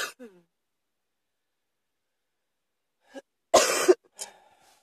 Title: # 78 uh-oh cough!